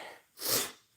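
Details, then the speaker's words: One of nine rescue cats gives a single sharp, hissy sneeze, a brief burst of air through the nose; sneezing. "I guess you all can hear that sneezing."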